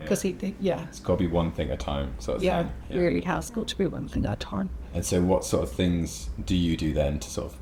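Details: Adult male speaker; Normal speech.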